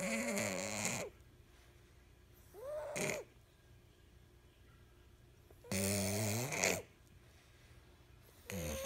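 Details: Sleeping flat-faced cat, nose too small, before airway-opening operations, mouth propped open as homemade CPAP: loud, harsh snoring with noisy gaps between breaths; brachycephalic airway obstruction snoring.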